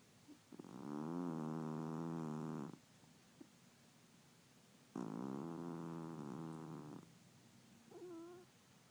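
Two long, steady, buzzing breath sounds about two seconds each, separated by a pause, with a short faint squeak at the end; snoring.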